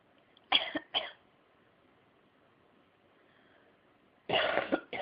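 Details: Cat coughing: a few short, harsh cough bursts separated by quiet pauses, possibly with its owner coughing too.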